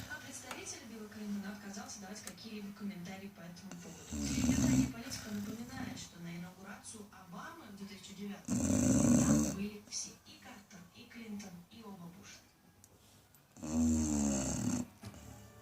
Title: Chow chow snoring